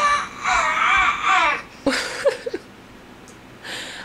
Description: It's like she's inhaling and making that strange noise while inhaling. She does it all the time now.